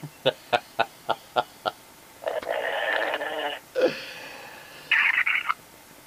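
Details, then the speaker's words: Snoring from a man who fell asleep mid-conversation on a phone call, heard over the phone line; he dozed off right after saying a word. "He said a word, and the next thing I heard was snoring. Listen to this. You hear him snoring? I ain't never seen anybody fall asleep that quick, but he's actually snoring."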